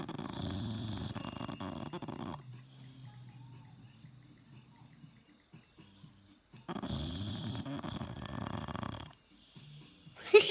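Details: A sleeping male American Bully puppy gives two long, loud, rattling snores on breathing in, with quiet breathing between and faint music behind: snoring.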